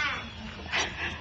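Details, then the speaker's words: Brief high-pitched infant wail, over almost at once; ordinary baby crying, played in a TV segment about controlled crying. "well it's the sound that every new parent get used to it"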